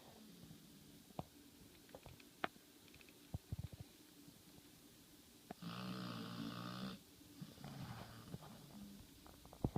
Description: 112 lb pitbull take n a nap in landury basket. Snoring very loud.